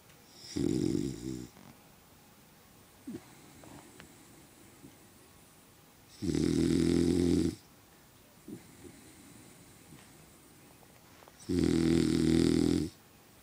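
Three loud, rough snoring noises on the in-breath, about five seconds apart, with quiet breathing between them: dog snoring.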